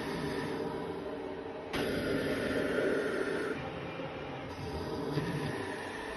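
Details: Cough assist machine (mechanical insufflation-exsufflation) used to clear secretions in a patient with a tracheostomy: steady mechanical airflow with abrupt shifts between phases.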